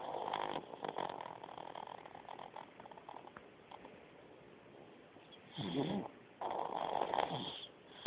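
Rough, fluttering snore sounds in uneven bursts with quieter breathing between; typical snoring, not a tonal wheeze.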